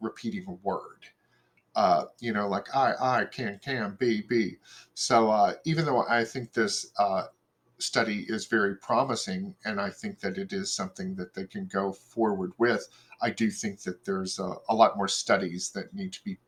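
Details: Adult male speaker; conversational speech.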